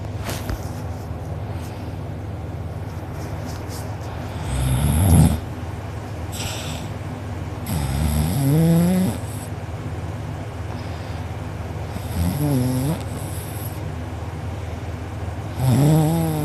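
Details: A person recorded asleep with mouth open and drooling, who later had a sore uvula and soft palate: loud rattling snores with each breath in, about 17 a minute. Heavy snoring during sleep.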